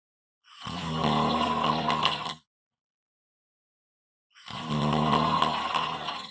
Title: Snoring Loud and Clear